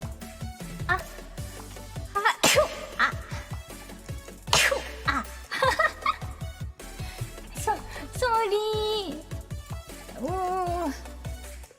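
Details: Sneeze from a VTuber during a singing livestream.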